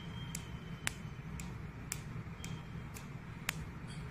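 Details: Sharp, crisp clicks about twice a second over low room hum: a picosecond laser handpiece firing on the face, 1064 nm for acne scars, energy starting from 500 and adjusted to the customer's tolerance.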